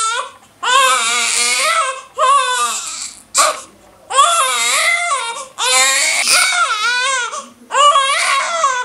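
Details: Newborn baby crying for mother's milk in loud, high-pitched, rhythmic bursts with short breaths between, a typical hunger cry.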